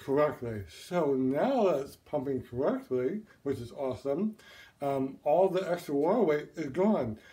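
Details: Adult male with partial (one-sided) tongue paralysis as a complication of mitral valve repair open-heart surgery, causing speech impairment and difficulty swallowing, on a feeding tube; expected to resolve within 2–6 months. Dysarthria from partial tongue paralysis.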